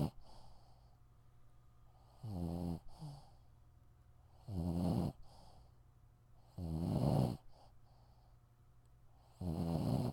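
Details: Sleeping dog snoring: four low, rattling snores about two seconds apart in a quiet room, roughly 26 a minute, with soft breathing between them.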